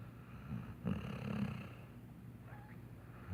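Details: Sleeping Saint Bernard puppy: soft, low, rattling snores, a couple of breaths heard over faint room noise; snoring.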